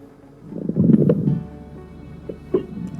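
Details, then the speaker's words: Simulated obstructive bowel sounds, setting 003, from an abdominal examination manikin (Kyoto Kagaku MW43) heard by stethoscope on the abdomen; a loud gurgling rush then brief high-pitched tinkling sounds typical of bowel obstruction. "kita pilih untuk suara obstruction yakni 003 setelah kita tentukan seperti ini kita tekan Kembali bolosan yang lama hingga ini menunjukkan garis putus-putus seperti ini nah kemudian setelah itu kita tekan bowson lagi dan kemudian kita Arahkan stetoskop ke perut dan akan terdengar suara seperti"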